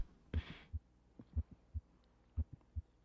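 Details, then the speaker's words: Simulated heart sounds at the apex, about 60 a minute, with a brief high-frequency extra click in midsystole and no murmur: midsystolic click of mitral valve prolapse. "You heard an extra sound in midsy. It was whoop whoop just a little high frequency sound."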